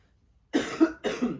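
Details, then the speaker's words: Adult woman, a mother, sick all weekend with an illness also affecting her family, gives two rough, harsh, gravelly cough bursts; raspy cough. "I just wasn't feeling that good. I'm still not feeling that good, as you can hear in my raspy cough."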